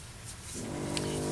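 A low, rough, rumbling snore from a sleeping dog builds and holds through the second half, after quiet room noise.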